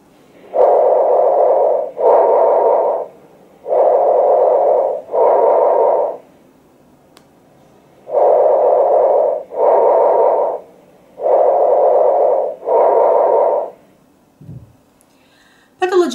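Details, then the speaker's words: Bronchial breath sounds: loud, harsh, hollow breathing with expiration longer than inspiration and a clear pause between phases, as in lung consolidation. "here you could hear bronchial breath sound it loud harsh expiratory sound lasts longer than inspiratory one let's hear it"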